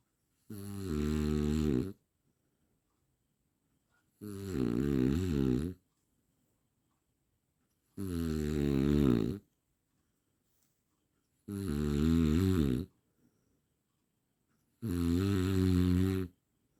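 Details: A snoring sound-effect recording: loud, regular voiced snores about every 3.5 seconds, roughly 17 a minute, with silence between.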